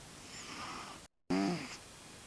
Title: My snoring cat ☺️